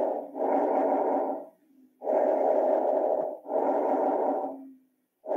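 Rushing, fairly harsh breath noise with inspiration and expiration of similar length and loudness, separated by short pauses: bronchovesicular breath sounds.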